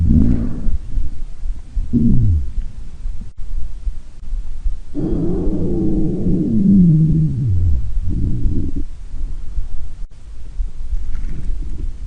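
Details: Loud, long, low gurgling rumbles and groans from the belly; ordinary stomach growling.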